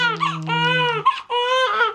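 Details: Newborn boy only a few days home from hospital, crying while being picked up: loud tonal cry in a few drawn-out bursts with brief catches of breath.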